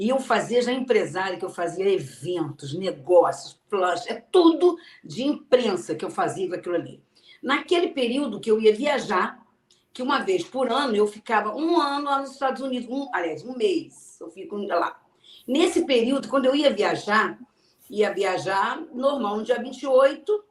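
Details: Aphasia in an adult woman, a sequela of a stroke suffered 12 years earlier; she had to relearn to speak and still struggles with words.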